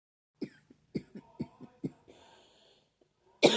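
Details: Person with seasonal allergies: a run of about seven short, dry coughs in quick succession, then a breath in; repeated coughing.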